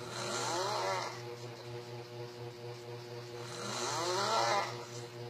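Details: Adult sleeping with open mouth and eyes snoring: steady, rattling snoring with two louder rasping breaths about three seconds apart over a constant low hum.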